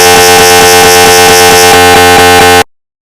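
Loud, rapid, buzzing electronic pulsing with a steady tone, typical of MRI scanner gradient noise; a recreation, not a real scanner.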